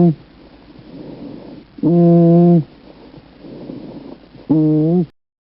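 Rough, rustling breaths alternate with loud low honks, about 22 breath cycles a minute.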